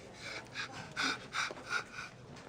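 Several quick, breathy gasping in-breaths, like a sneeze building, acted in a TV comedy scene.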